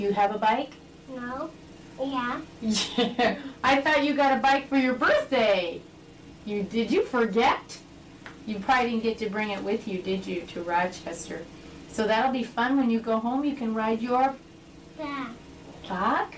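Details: Adult woman speaking to a child; normal adult speech.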